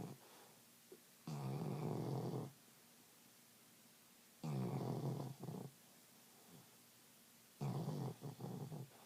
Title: Snoring Alabama